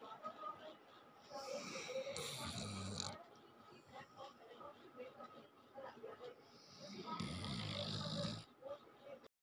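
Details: Sleeping Doberman dog snoring: two snorting, rattly snores, with faint background talk and room noise between them.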